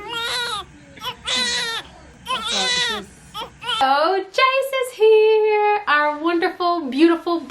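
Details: Newborn boy just after birth, delivered face down: loud, strong bursts of crying with short gasping breaths between them.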